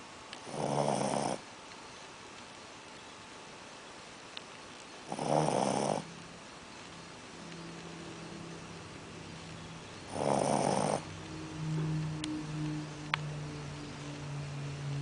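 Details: Shih tzu puppy snoring while asleep after eating too much: three rough, raspy snores about five seconds apart, roughly 12 breaths a minute, with quiet low humming between; snoring.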